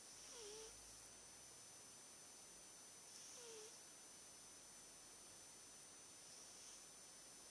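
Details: Soft, faint whistling breath noises about every three seconds, roughly 20 a minute, under steady room hiss: quiet snoring in a sleeping British Shorthair cat.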